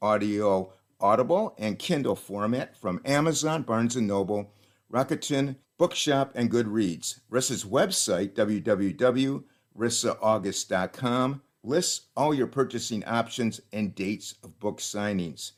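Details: Adult male speaker; normal speech.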